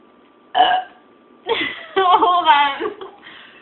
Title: Burping problem